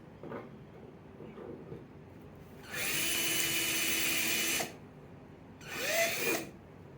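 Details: Two bursts of high whining drill noise, the longer about two seconds, with quiet between: a surgical drill boring through bone with a sleeve for 3.5/2.7 mm locking and compression screws in distal humerus fracture post-medial plating.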